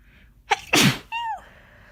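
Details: A person with a cold: a quick inhaled build-up, then one forceful, wet, explosive sneeze followed by a short voiced groan.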